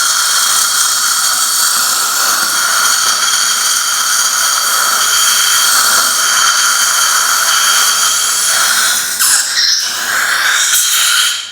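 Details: Dental surgical drill during immediate implant placement in the aesthetic zone for a patient with a fractured tooth: steady high-pitched whine running continuously, with brief dips in pitch near the end as it meets resistance.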